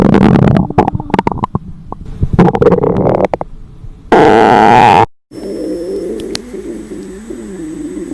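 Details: Fictional scenario of a hungry high-school girl in class: loud gurgling and squelching belly noises in bursts, then a break and a softer, drawn-out rumble; stomach growling from hunger.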